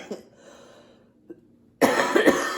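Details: A short burst of dry coughing after a quiet moment from an adult who has been extremely sick for the past week; dry cough.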